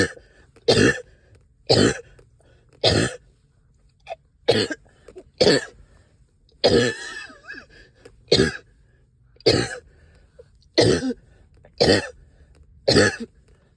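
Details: Productive cough in a person up all night with a heavy chest and headache: about a dozen harsh, separate coughs, some with rattly throat clearing, a repeated chesty cough with stubborn sticky phlegm.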